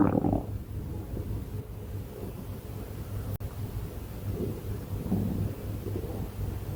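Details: Stomach growling: low, soft gurgling rumbles over a steady low background hum.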